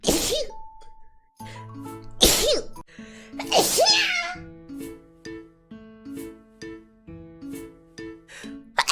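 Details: Sneeze compilation: several short, sharp sneezes over a tinkling musical background, apparently in an animated or game character's voice.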